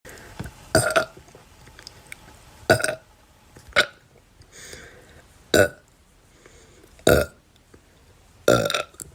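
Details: Repeated foamy burping with vomit after drinking a little Sprite with banana: six short, loud belches one to two seconds apart with faint noise between them.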